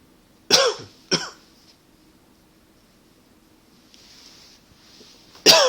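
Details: Two short dry cough bursts, a pause, then a third: a tickly, non-productive cough, not a fit, attributed to allergies and partly to smoking.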